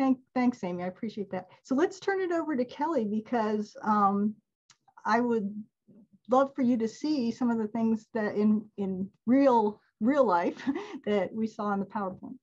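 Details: Adult woman speaking; ordinary speech.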